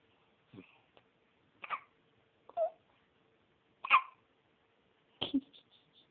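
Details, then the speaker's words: Baby with hiccups: five short, sharp hiccup sounds at irregular intervals in a quiet room, each a brief catch of breath. "Hiccup? Uh-oh. You're the hiccup, baby."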